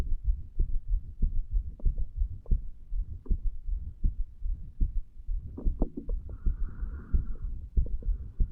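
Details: 35-year-old male lying in bed a few hours after bedtime, alcohol effects, recorded at mitral area: low heart thumps about 80 a minute, uneven spacing, occasional longer pauses, skipped beats.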